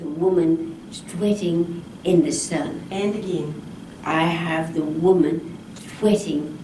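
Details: Person with chronic post-stroke aphasia in a Multi-Modality Aphasia Therapy session, producing a target phrase after gesture, drawing, reading and writing cues; aphasia (post-stroke).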